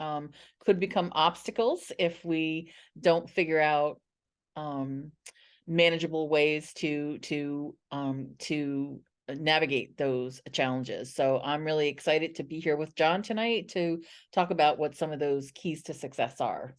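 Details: Adult woman who identifies as a person who stutters, a stuttering association member for 17 years; stuttering.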